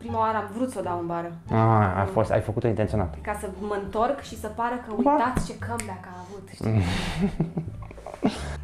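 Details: Adult speaking Romanian; ordinary speech.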